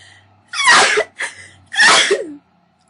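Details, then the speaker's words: A woman's double sneeze: two sharp, explosive bursts of air with a short voiced catch between them, followed by an apology for sneezing twice. "sorry. I just sneezed like twice."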